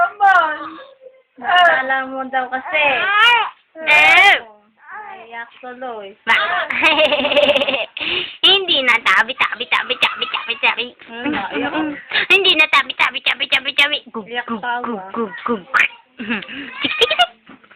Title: baby. crying